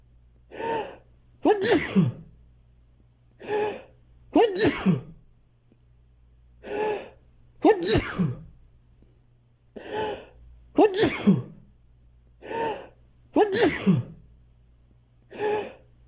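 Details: Repeated sneezing bout: six sneezes in about sixteen seconds, each with a gasping in-breath before the burst.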